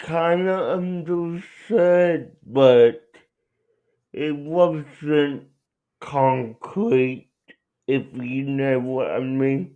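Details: Adult male speaker; dysarthria (cerebral palsy).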